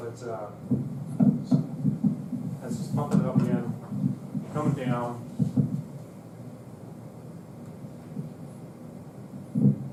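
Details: Korotkoff sounds; context describes heart rate of 60 beats per minute in a teaching lecture on non-destructive evaluation of the human body.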